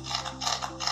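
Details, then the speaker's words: Dog with tracheal collapse, symptoms not severe and no cyanosis yet: brief rasping, ratchety breath ending in a short honking note, the typical goose-honk sound. "전형적으로이 우리가 이제 거위가내는 소리를 낸다고 해서 구스 온킹 사운드라고 하는데이 환자는 증상이 아주 심하진 않아요"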